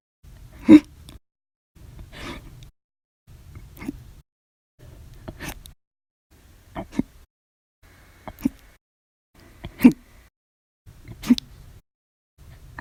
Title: 7/28/19, Violent, Loud, Silent, Minute Hiccups after Lunch Audio Only